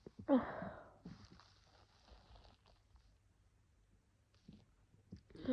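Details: Single loud, wet sneeze followed by sniffling and quiet breathing in a small room, during a cold where coughing triggers sneezing and the throat is sore.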